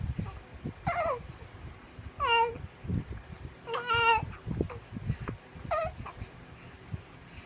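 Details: 2-month-old baby boy with hiccups gives short, rising, squealing cries and babbling sounds at an irregular pace, faint room background; brief crying and vocalizing.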